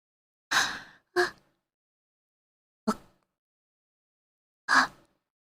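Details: Sleepy streamer gasping: several short, sharp breathy intakes and bursts of breath building toward a sneeze.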